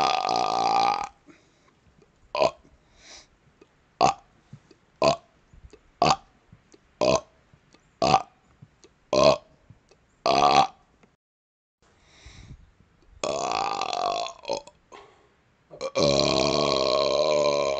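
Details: Outdoors on a second-floor porch in a snowstorm, cold: about ten short voiced belches at roughly one-second intervals, then longer drawn-out belches; repeated burping.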